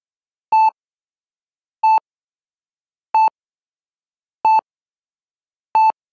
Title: Sonido de monitor cardiaco / Heart monitor sound effect / Ekg sound / Sonido electrocardiograma